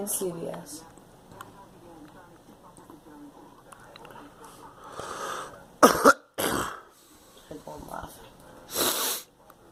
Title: Girl coughing